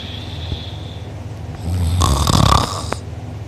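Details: Dakota recorded asleep by sister, mouth open, drooling, sore uvula and soft palate afterward: a very loud, harsh, fluttering snore rising and fading over about 1.5 seconds; heavy snoring.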